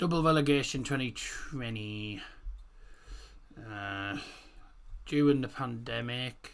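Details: Male host with a self-described speech impediment in which R is pronounced like W; rhotacism (labialized R).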